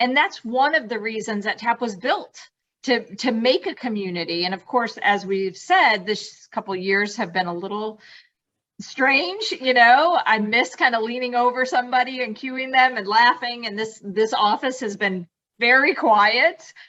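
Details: Adult woman speaking; normal speech.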